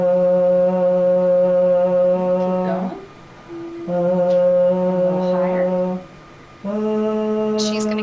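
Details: Adult man with laryngeal hyperfunction on stroboscopy, false (ventricular) folds overlapping and touching, much tension, producing high and low pitches, fairly loud voice; hyperfunctional voice (muscle tension dysphonia).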